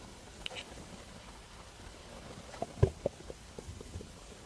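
Faint low gurgles and a few soft squelching pops over quiet room noise, a normal stomach rumble (borborygmi) after a meal.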